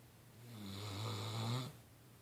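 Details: A single low, buzzing snore lasting about a second and a half, over faint room noise; snoring.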